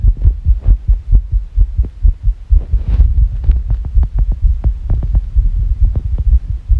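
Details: Fast irregular heartbeat, rapid low thumping around 130 per minute with uneven beat spacing; labeled as sick.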